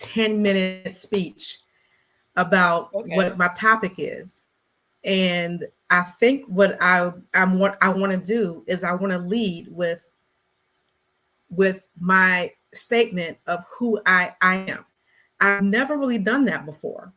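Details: Stuttering in an adult Black woman who describes herself as a person who stutters, speaking in a conversational interview.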